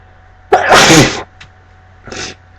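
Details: Sneezing while reading aloud, in a person very allergic to cats with a cat present: one loud sneeze with sharp intake and explosive burst, then a quieter sniff or small second burst.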